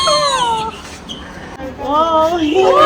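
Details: Newborn baby boy just after hospital delivery, following about 12 hours of labour with slow dilation progress: strong, high-pitched cries with a brief pause for breath between them; healthy newborn cry.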